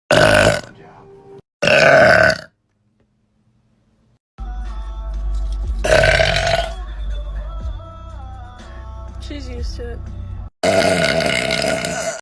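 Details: Girl burping: several loud, drawn-out belches with music and talk in the background; ordinary burping.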